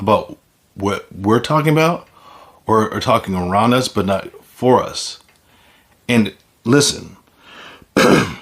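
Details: Man with aphasia after a stroke, an acquired communication disorder: aphasia.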